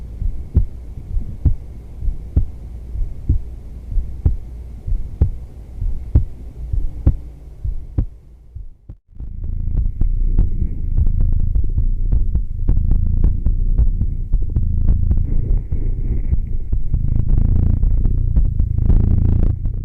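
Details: Steady, even heartbeat at about 63 beats a minute from a woman during an ASMR heartbeat yoga recording, followed by rustling, clothing and handling noise; normal heartbeat.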